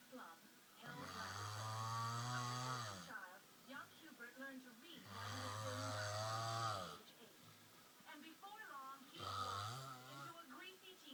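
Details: Man asleep, face being played with: loud rattling snores on each inspiration, about 17 a minute, with mumbled sleep-talking sounds between. Snoring.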